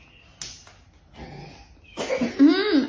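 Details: A toddler gives a few short coughs, the last ones with some voice in them, in a quiet room; cough.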